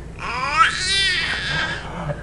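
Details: Infant: a single short wailing sound with rising then falling pitch, like an infant's cry.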